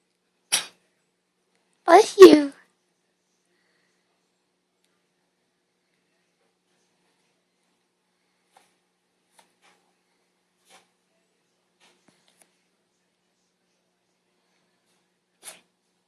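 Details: Cat sneezing: a few short, sharp bursts in near silence, a small animal sneezing.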